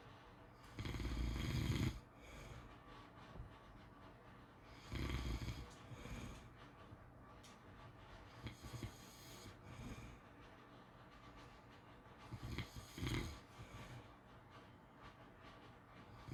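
Irregular low snores roughly every four seconds, some softer and snorting, over steady room hiss; snoring during sleep.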